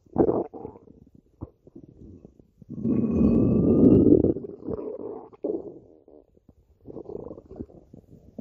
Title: stomach growling